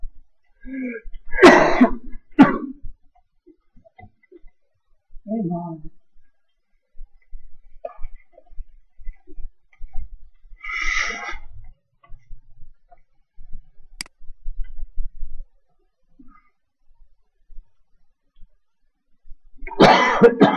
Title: cough attack, put thats the natives Video 2012 08 29 212848